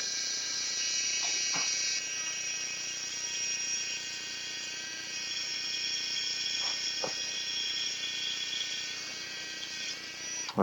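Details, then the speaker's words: Surgical drill boring through bone: a steady high-pitched motor whine with faint taps, from a small EndoButton drill passed across the lateral femoral cortex during left knee ACL reconstruction with a quadrupled 8 mm hamstring autograft. "and now the next step is to use our smaller drill our endo button drill to go all the way across outside the lateral femoral cortex so this is a much smaller drill bit"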